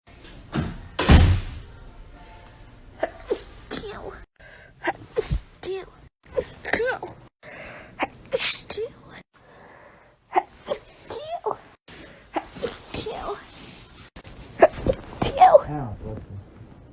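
A run of separate sharp, explosive bursts, some preceded by short breaths in, consistent with a series of sneezes.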